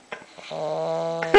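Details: Sleeping English bulldog snoring: a few short snorts, then one steady, buzzing, almost tonal snore on the in-breath.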